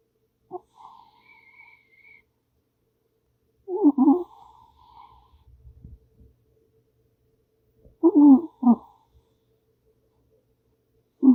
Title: Caught my #cat making noises in her sleep